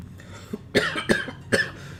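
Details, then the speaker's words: Adult streamer with a lingering cough after a cold of three weeks: three sharp, harsh coughs in quick succession. "Yeah, it's a bit of a struggle. This coughing is also a struggle."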